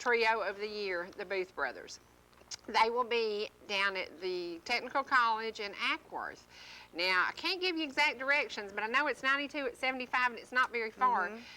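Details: Adult woman speaking; normal voice.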